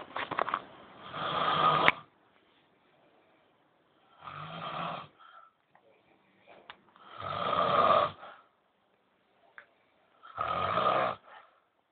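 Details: Old men snoring every night, keeping the listener awake: loud, rough, rattling snores about every three seconds, with quiet pauses between breaths; heavy snoring.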